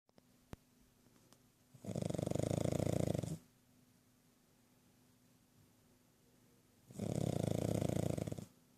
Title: Snoring Yogi the Pug